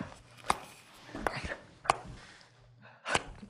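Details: Abrupt, brief vocal bursts, gasps and clicks with no words from an adult man with Tourette syndrome, shown in an old clip from before he overcame it; simple vocal tics.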